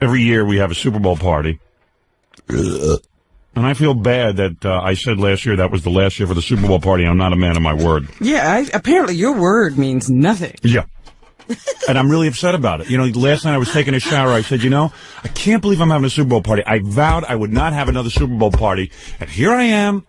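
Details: Adult man speaking, with brief remarks from a second voice; normal fluent speech.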